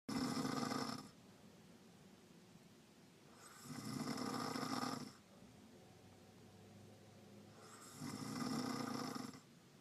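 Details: Adult woman asleep in a moving car on a road trip, snoring very loudly: three loud, rattling snores about four seconds apart, roughly 15 breaths a minute, over steady road noise.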